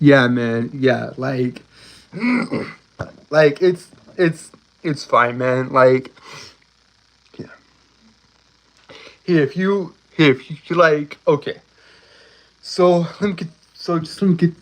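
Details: Stuttering in an adult male streamer who self-reports a speech impediment, a stutter he says cannot be helped; stuttering.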